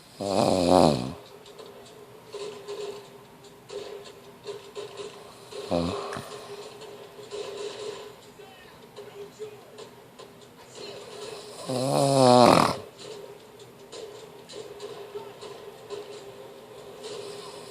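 Loud rattling snores on breathing in, about every six seconds, with quieter breathing between; snoring from vibration in the upper airway.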